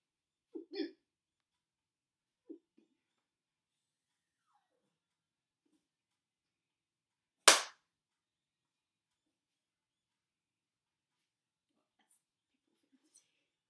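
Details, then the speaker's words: Tourette syndrome vocal tics recorded three days after stopping Catapres medication: brief sudden vocal bursts and one sharp loud yelp in an otherwise quiet room. "um that time that head one was a tick oh yeah yeah see it's working okay that was a tick awesome"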